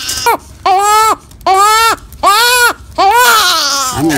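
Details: Newborn cry during frenotomy (clipping of a tongue tie) after a newborn exam: loud, rhythmic crying in repeated wails with short breaths between, about 77 a minute; a strong, clear cry.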